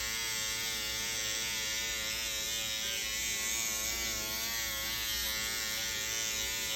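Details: Steady high electric buzz from a SkinPen microneedling pen at 1.25 mm depth, making tiny punctures in an adult man's facial skin, with PRP, under ProNox for pain; microneedling pen in operation.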